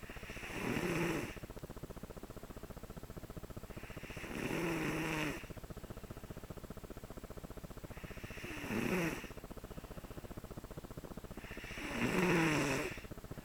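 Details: Five-year-old boy in deep sleep snoring: four slow, rattling snores about three to four seconds apart, each a coarse buzzing breath with quiet gaps between.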